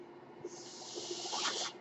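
Soft hissing airflow that swells into a louder rushing breath, the cycling noise of a home ventilator.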